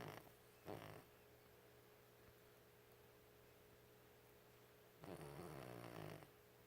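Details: Low rattling snores recurring in bursts through steady room hum from an old 13-year-old Chihuahua sleeping; loud dog snoring.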